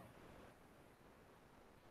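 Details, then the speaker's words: On EMG of a relaxed muscle, a soft, steady patter of tiny sharp crackles like small raindrops falling on a rooftop comes through the speaker; fibrillation potentials. "yes they are sharp basic and the sound is like rain falling small raindrops falling on the rooftop listen to it once again so when you get this kind of thing this is known as a fibrillation potential"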